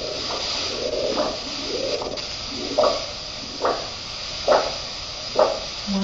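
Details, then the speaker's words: Ankle-brachial index in an outpatient wound clinic for a lower-extremity wound patient: handheld Doppler on the dorsalis pedis pulse, whooshing arterial signal returning about 69/min as the inflated ankle cuff deflates, marking ankle systolic pressure. "then you inflate the blood pressure cup to the point where you um obliterate the sound and then the first sound you hear is your ankle"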